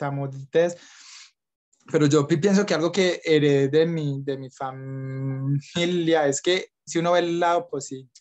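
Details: Young man from Colombia who says he stutters a lot, speaking Spanish about living with stuttering; stuttering.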